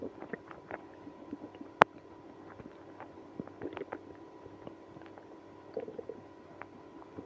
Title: Drinking milk and prune juice when having ibs (stomach growling, moaning)